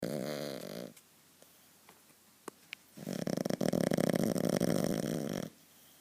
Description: My dog starting to snore so hard...